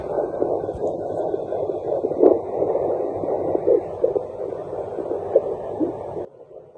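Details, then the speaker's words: Fetal heartbeat found at home with a handheld fetal Doppler and gel on the pregnant mother's belly: rapid, rhythmic whooshing pulses, described as pretty fast. "You can tell it's it because it's. Woo, woo, woo, woo, woof. It's pretty fast."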